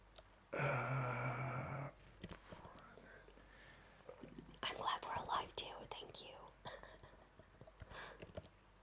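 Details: Woman who is sick and has lost her voice, whispering close to the microphone because she cannot be heard when trying to talk. Finding: aphonia with whispered speech.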